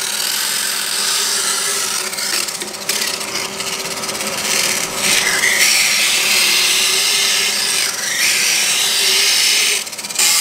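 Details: Loud high-pitched grinding and rasping in bursts: a diamond-coated power dental float filing down a horse's tooth enamel during routine dental care; painless, though vibration may make it shake.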